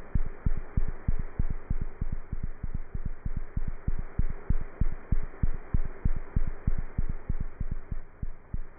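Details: Cat heart sounds heard through a stethoscope: rapid, steady heartbeat of about 190 beats a minute with a faint background hum.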